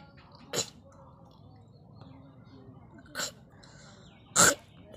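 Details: Three short, sharp coughs at irregular intervals over quiet room noise, deliberately performed for a coughing and nose-blowing challenge rather than driven by illness; cough.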